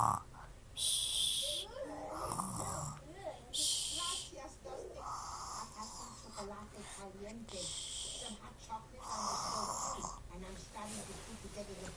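Rough, rattling snores come in bursts over a noisy background with squeaky, whistling sounds mixed in: snoring.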